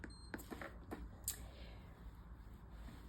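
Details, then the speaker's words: Nursing-school IV medication demonstration: several short electronic keypad beeps and button clicks as an infusion pump is set up for a maintenance IV fluid, keying letters by pressing the four button repeatedly. "We're going to set up an IV fluid. So, we're going to hit the four button three times."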